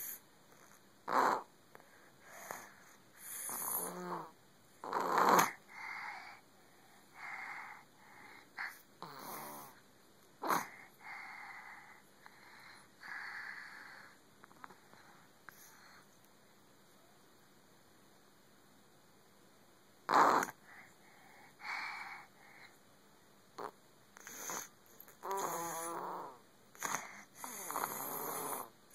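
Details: Sawyer, a cat asleep in owner's lap, snores with soft, raspy breaths in irregular rhythm and some louder snorts.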